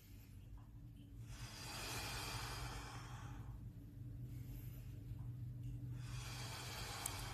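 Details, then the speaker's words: Demonstrated autogenic drainage for COVID-19 airway clearance, second set of three breaths: medium-effort inhalation and forceful maximal exhalation, slow breaths with long airy exhalations over a low hum, breathing from mid to low lung volume. "next three breaths you have to breathe in with medium effort and forcibly exhale as much as possible like this"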